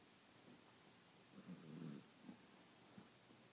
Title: snoring